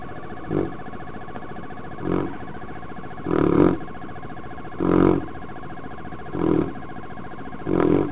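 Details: Mastino (Neapolitan Mastiff) dog napping in the backyard: deep rumbling snores recurring about every one and a half seconds with quiet gaps between; loud snoring in a sleeping large dog.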